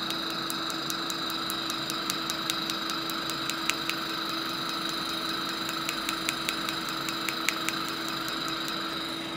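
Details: Sharp, regular clicks over a steady machine hum as a Discovery PICO picosecond laser fires on a tattoo during removal, with DESCRIBE PFD patch and green ink still reacting; picosecond laser pulses.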